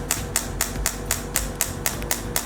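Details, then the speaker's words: T8+ radial shockwave (ESWT) handpiece firing sharp, regular clicking pulses, about four per second, on gel-covered skin, relaxing muscles around a marked pain point in circular or slow motions for about 2–3 minutes. "Start by relaxing the muscles around the pain point. It can be operated in a circular motion or in a slow motion, about 2–3 minutes."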